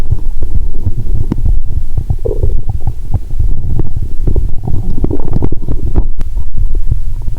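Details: Bowel sounds recorded by stethoscope on the abdomen while lying down, after drinking cola with Mentos; heart sounds also audible.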